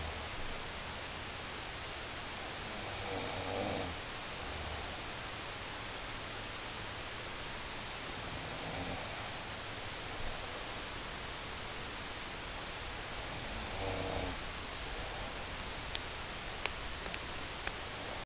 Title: Snoring....